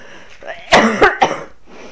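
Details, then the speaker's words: Short run of three harsh coughs from an adult woman indoors; she cannot take cough mixture because of stomach bleeding she attributes to taking too much Nurofen. "well I don't want to hear my coughing any I'll try and suppress that but I can't take cough mixture at the moment because it's not good for the bleeding on my stomach"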